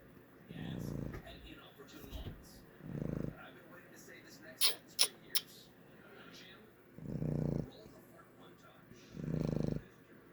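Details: Boston Terrier snoring while asleep, low rumbling bursts about four in ten seconds with brief clicks between; snoring.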